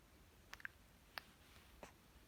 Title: #11 1 month old baby hiccups/生後1ヶ月の赤ちゃんしゃっくりが止まらない